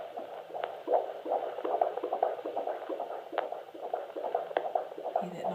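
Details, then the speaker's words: Fetal heartbeat on Doppler at a midwife appointment, 26 weeks pregnant, IVF pregnancy with second baby (girl): rapid rhythmic whooshing about 145 a minute, with variation, rate ranging 140s–160s; normal fetal heartbeat. "so I'm going to slot that video in right now and so this is um heartbeat at my most recent um Midwife appoint"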